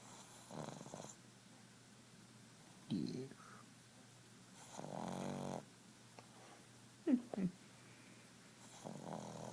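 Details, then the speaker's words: Pug dog, awake and not sleeping, with irregular snorting, snore-like breaths and soft snuffles between; noisy flat-faced airway breathing; snoring while awake. "Dude, are you snoring while you're awake?"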